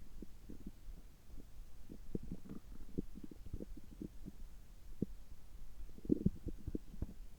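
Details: Stomach rumbling recorded just after a checkup gastroscopy, with normal results; soft, frequent gurgles and low bubbling clicks over a quiet background, ordinary active bowel sounds.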